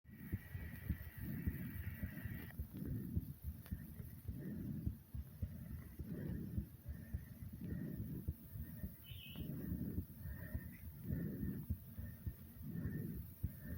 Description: after jumping in place for a little while my heart sped up and my breathing was a bit hard but no worries i am great :D